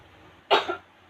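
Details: Simulated skill-lab demonstration of effective cough on an adult female patient with a respiratory tract disorder from sputum buildup: after a deep breath held five seconds, one forceful, abrupt cough burst to expel sputum, in a quiet room.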